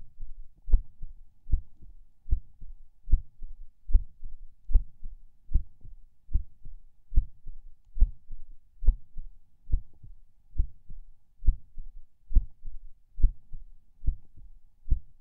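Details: Person lying in bed falling asleep: soft, low heartbeat about 74/min with slightly uneven spacing and occasional soft skipped or early beats (person unsure if PACs); a distinct split S2 is also present in this recording.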